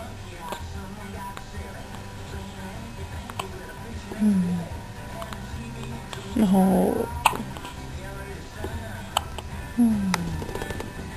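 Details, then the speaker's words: Hiccups in a baby whose belly feels hard, while being given a diaphragm massage: three short voiced hiccups a few seconds apart over music and a low room hum. "We can get rid of those hiccups for you. Yeah. Oh, little hiccups, huh?"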